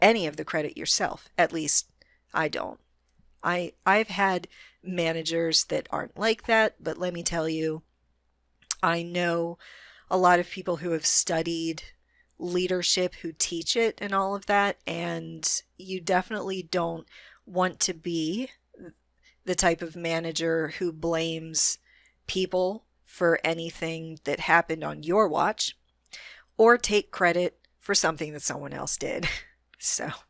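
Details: Adult female with a self-reported moderate, not severe stutter that she can control most of the time; stuttering.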